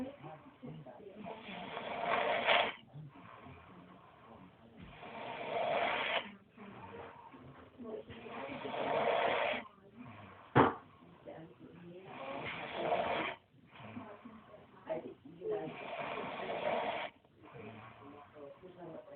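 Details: Older brother snoring while asleep despite saying he doesn't snore: loud, rough snore on each inhalation, about 17 breaths a minute, somewhat irregular, quiet exhalations between.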